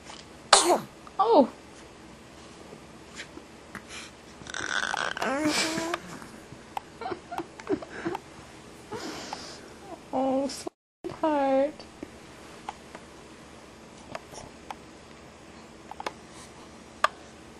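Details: Infant gives two quick, sharp sneezes in a row, followed by soft voices and small vocal sounds; sneezing.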